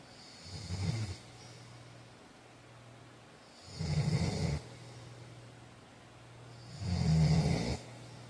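Three low, rattling snores on breathing in, about 19 breaths a minute, with steady room hum between them.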